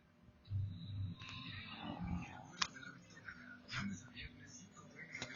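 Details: Dog snoring while asleep in its owner's bed, waking the owner: low, rumbling snorts in irregular bursts over faint background noise.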